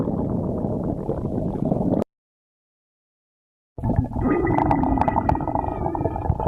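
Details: Gurgling, bubbling stomach growls with a squeaky rising tone after a brief silence: ordinary bowel sounds (borborygmi).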